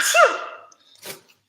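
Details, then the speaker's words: A single small voiced sneeze, a rising burst falling away over half a second, then a short breath out; sneeze. "Excuse me. Oh. Excuse me. That was a little cute sneeze."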